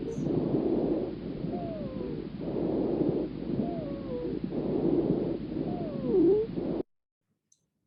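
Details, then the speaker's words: Three breath cycles with a high, musical whistling tone sliding downward during each breath out: wheezing, described as commonly expiratory. "and then to the ones with the wheezing which is very commonly exploratory"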